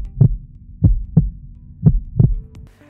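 Deep, low thumps in pairs, the lub-dub of ordinary heart sounds marking each beat.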